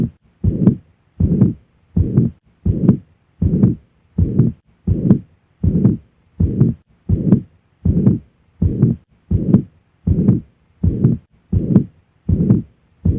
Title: MITRAL REGURGITATION - APEX | HEART SOUNDS | AUSCULTATION | MURMUR